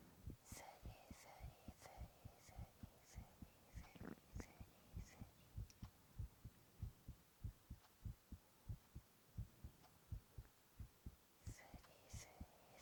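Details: Young man's own normal heart sounds: steady, regular heartbeat at about 97 beats a minute, with soft whispered onomatopoeia over parts of it.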